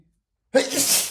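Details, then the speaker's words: A single sharp, explosive burst of air after brief silence: an acted cartoonish sneeze from a man in a prolonged sneezing fit, said to be tired of sneezing. ">> I'm so tired of sneezing so much. But I'm I I'm going to sneeze again."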